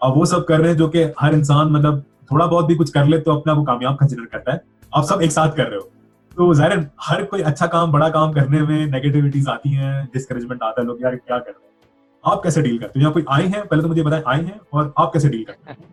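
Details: Adult male speaker; normal conversational speech.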